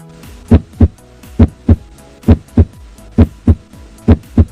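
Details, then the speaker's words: Normal heart sounds heard by stethoscope cardiac auscultation: regular paired lub-dub beats at about 67 per minute over a soft background hum, normal rhythm. "La auscultación cardíaca es una técnica clínica que consiste en escuchar los sonidos producidos por el corazón con la ayuda de un estetoscopio."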